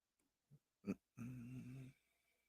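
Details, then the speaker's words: A dog snores in the background of a pre-recorded talk; snoring. "you can hear my dog snoring it up in the background right so i apologize for that"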